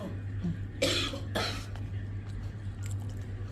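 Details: Adult: two quick, harsh coughs in close succession over a steady low room hum; cough.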